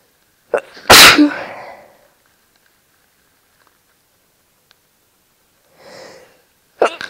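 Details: Induced sneeze in a person with no allergies or hay fever: a short intake of breath, one loud explosive sneeze, then a quieter breath and another burst in a quiet room.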